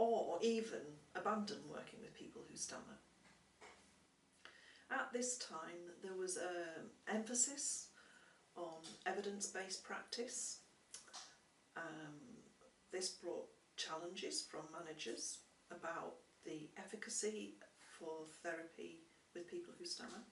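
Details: Adult speaker; typical speech.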